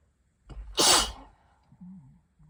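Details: Tickly sneeze before a cold: a short in-breath, then one loud, forceful sneeze followed by a brief voiced sound; a single sneeze.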